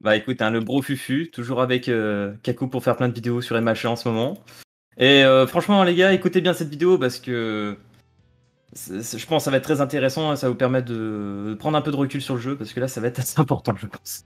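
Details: Adult male speaker; Typical speech.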